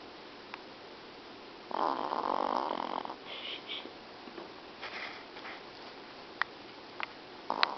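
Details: A sleeping dog gives a single loud rasping snore on the in-breath, then softer snuffling breaths and faint clicks; snoring.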